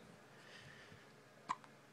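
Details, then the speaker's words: Newborn baby girl, 1 week and 1 day old, with hiccups: a single brief, soft hiccup click with a faint second catch in a quiet room. "Say hi, baby. Hi, baby girl. Look. Hiccups. You get the hiccups."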